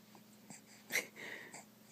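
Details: Baby sneeze: a single tiny, high-pitched sneeze followed by a soft breathy exhale in a quiet room.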